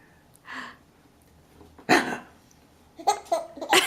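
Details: 5-month-old infant with hiccups: short sharp hiccup sounds mixed with bright bursts of giggling.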